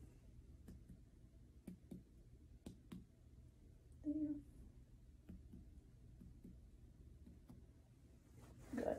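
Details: Student nurse's healthy abdominal assessment: soft paired finger taps over the right abdomen in a quiet room, moving upward; liver span percussion, tympanic turning dull over the liver.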